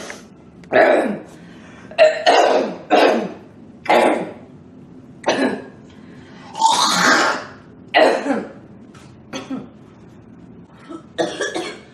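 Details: A girl coughs and clears her throat repeatedly, about ten short bursts in twelve seconds, saying the coughing makes it hot and hard to breathe.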